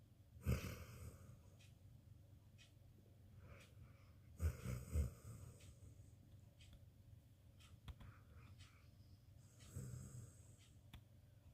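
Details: Snoring in a sleeping dog: low snorting, rumbling breaths about every four to five seconds in a quiet room.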